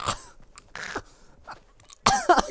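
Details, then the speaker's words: Adult having an asthma attack while gaming, told to take an inhaler: several short, harsh coughs with quieter breathy noises between them. "That's that fucking clip of me having an asthma attack going on Instagram."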